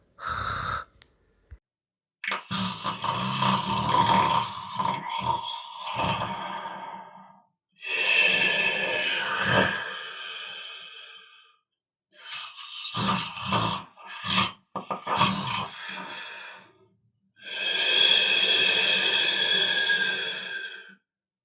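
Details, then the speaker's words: Snoring played in a lesson: rough, rattling snores on breathing in, each followed by a quieter breath out. "our lesson today is snoring so let's snore like this just snore until you say now listen to these people snoring and imitate them"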